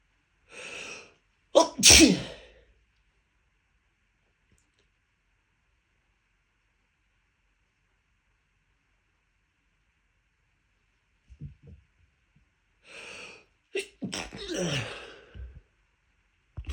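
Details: Sneezing fit at the start of pollen season, pollen allergy: repeated sharp, explosive sneezes in two clusters separated by a long silence.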